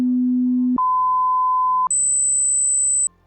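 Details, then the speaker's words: Hearing-test pure tones, from 250 to 8,000 Hz, the speech frequencies: three steady tones in sequence, low, middle, then very high pitch: pure-tone audiometry test tones. "the beep gets louder and these are called pure tones and the reason we test 250 to 8,000 is because those are all the frequencies in speech"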